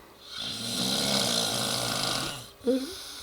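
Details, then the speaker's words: Loud snoring in a sleeper who dozed off after a couple of beers: one long, rough, rattling breath in, followed by a short snort. The sound may be from a cartoon. "you got to keep repeating yourself maybe one too many of those I'm not too sure wow I thought I snored loud like a lawnmower say good night neemo good boy"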